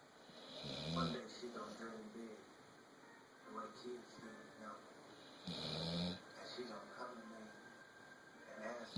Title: Snoring pitbull